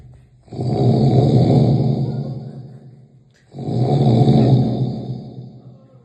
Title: Heavy sound snoring